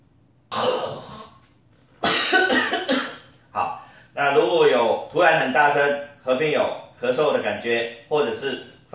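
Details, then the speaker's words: Imitated snoring in obstructive sleep apnea: a snort, a silent pause, then sudden loud choking, cough-like snores, showing breathing stops followed by brief arousal, unlike regular snoring. "但是如果是有一段时间没有声音以后，突然再很大声的话，那可能就有这个呼吸停止了。比如说这个样子。"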